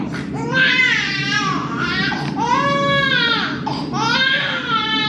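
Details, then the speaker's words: Three-month-old infant girl crying at night, even when held and offered a pacifier: loud, sustained wailing bursts with short breaths between; ordinary infant crying. "or she just acts like that like even when we hold her try to put her pacifier in she'll still just like sometimes scream like that"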